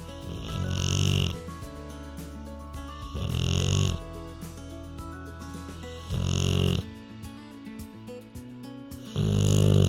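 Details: Rottweiler relaxing asleep on a red couch, recorded in real time while snoring continuously: loud, deep snores about every three seconds over background music; dog snoring.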